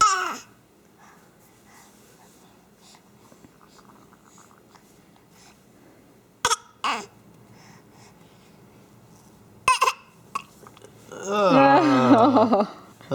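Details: An infant trying out new noises gives a few short, sharp coughs, then a burst of voiced babbling: playful, harmless coughing.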